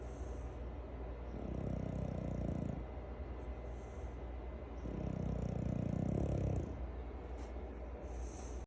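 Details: Two low, rumbling in-breath snores a few seconds apart over steady background hum from a sleeping dog; snoring.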